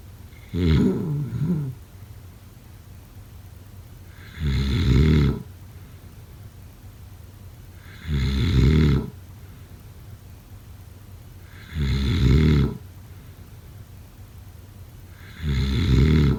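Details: Loud, regular, rattling snores, about 16 a minute, on each in-breath, with quiet pauses between.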